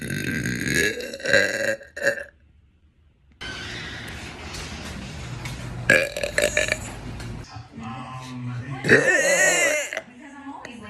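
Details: A person burping: several loud, rough, voiced belches mixed with talk and some background music.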